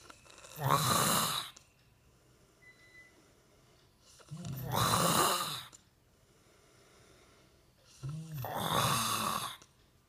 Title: snoring